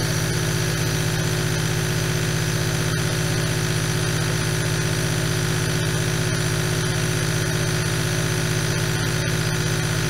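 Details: Steady loud motor hum with a constant buzz from a running nebulizer compressor producing aerosol.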